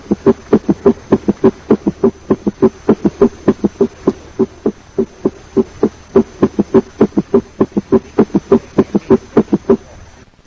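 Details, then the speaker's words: Summation gallop at a rapid heart rate, as in left ventricular failure: atrial contraction and rapid ventricular filling sounds superimpose into a single large sound. "Thus, S3 flips into a single large sound, producing a summation sound and a summation gallop."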